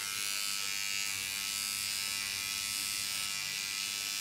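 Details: Microneedling pen with PRP on a client's face, needle depth adjusted by area, less on forehead: continuous high buzzing of the motorized pen against the skin in a small room.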